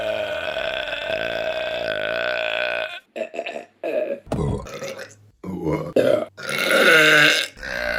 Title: Burping Compilation January 2023 #3 |